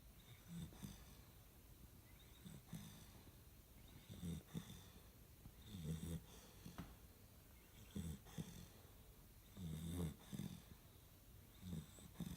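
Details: Steady sleep snoring: low, rattling snores recurring about every two seconds, roughly 30 a minute, in a quiet room.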